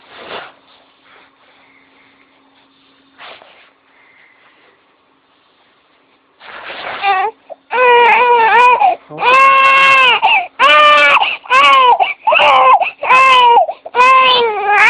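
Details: Baby girl startled by her rocking parent's loud sudden sneeze bursts into loud, rhythmic crying after a quiet start, each wail rising and falling; infant crying.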